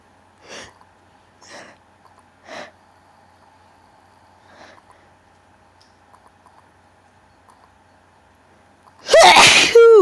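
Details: A few quiet sniffing breaths over a steady hum, then one sudden, very powerful, loud, wet, explosive sneeze.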